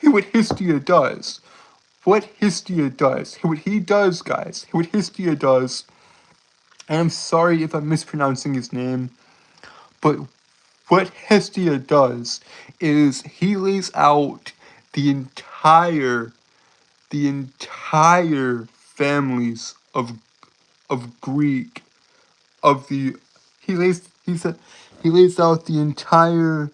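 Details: Stuttering in an adult male streamer who self-reports a speech impediment.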